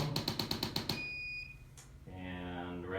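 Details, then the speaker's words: Rapid regular clicking at about eight per second, then a steady high beep as an accelerometer adjusting instrument senses restored motion and shuts off. Chiropractic instrument adjustment at the collarbone for shoulder pain. "So we're going to make some adjustments in a couple of these areas that basically reprogram it. Right here in the collarbone."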